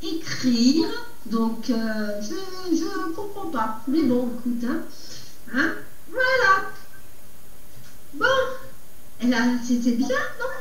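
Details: Adult man, aphasic for a little over a year after stroke, who says he speaks very badly; Broca's aphasia.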